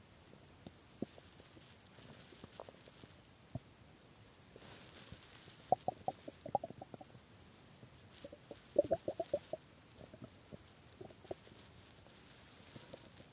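Quiet gurgles with bursts of squeaky, bubbling rumbles; hunger stomach growling, a normal bowel sound.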